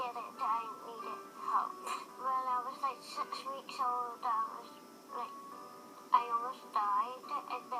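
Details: Speech sound disorder (articulation difficulty) in a person diagnosed with CHARGE syndrome, with difficulty pronouncing and articulating words.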